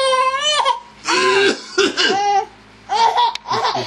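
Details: Five-month-old infant's coughing fit: high-pitched, about four voiced coughs in quick succession with gasping in-breaths between.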